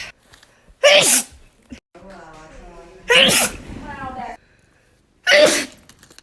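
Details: Three sharp, explosive sneezes in quick succession with brief voiced sounds between them, from a short sneezing compilation; sneezing.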